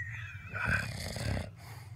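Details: Adult husband snoring during sleep: one low, rattling, snorting breath with a rough flutter in the airway; a single snore.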